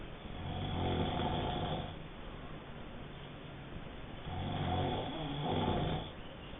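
Two long, low, rumbling snores about four seconds apart, over steady background hiss.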